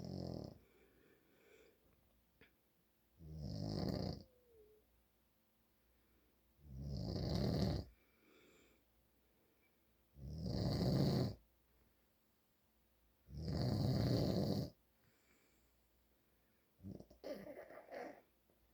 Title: My dad snoring more.